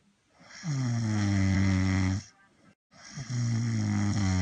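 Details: Replayed snoring sound bite from a Dubsmash lip-sync compilation: two long, loud, droning snores with a deep buzzing tone, the second cut off; heavy snoring.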